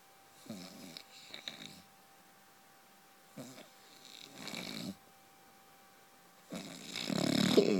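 Quiet room with repeated rough, rattling breathing noises, the last one loudest: snoring during sleep.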